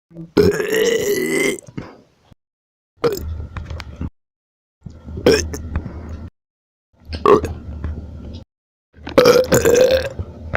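Five loud, drawn-out burps separated by short pauses, in a small room.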